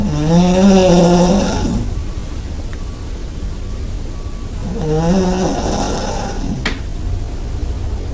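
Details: Snoring recorded about 20 cm from the snorer in a shared bed: loud, rattling in-breath snores with quiet out-breaths, roughly 15 breaths a minute.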